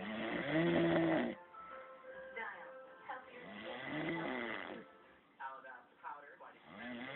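Rough, vibrating snores on the in-breath, with a faint background of music or voices; ordinary snoring.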